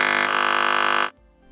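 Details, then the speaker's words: Provox TruTone Emote or TruTone Plus electrolarynx: a steady buzz of about one second at reduced volume, because the device lowers its volume to prolong a low battery. "may be a low battery the device is designed to decrease the volume to prolong battery life"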